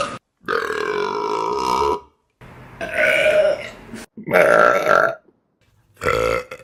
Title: Best Burps On Youtube || #17